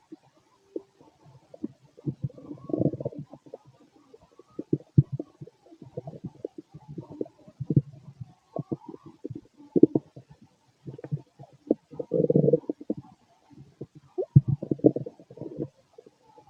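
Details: A male's stomach growls late at night after eating lots of food earlier. He feels gassy and bubbly, with continuous low gurgling and bubbling rumbles from the belly: borborygmi.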